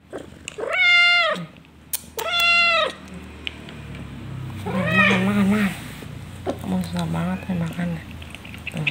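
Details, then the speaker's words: Loud, drawn-out yowls and wavering cries from a cat with tooth pain that cannot chew, with a person talking nearby; distressed pain vocalization. "nih teman-teman kucing aku lagi sakit gigi aku kasihkan ya di atas menjerit-jerit nih"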